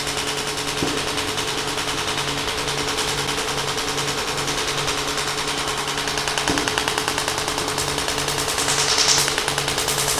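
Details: Shockwave therapy applicator applied to an adult's back; the subject reports feeling almost nothing. Steady, fast rattling taps, roughly three per second, over loud continuous machine noise as the device fires.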